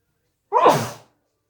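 One abrupt, explosive sneeze, slightly muffled as if into a tissue.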